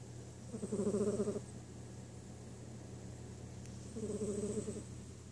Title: My cat snoring